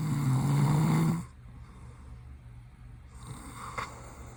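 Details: One loud, low rattling snore from a sleeping adult male (boyfriend) whose eyes open while asleep, followed by quiet breathing and faint room noise.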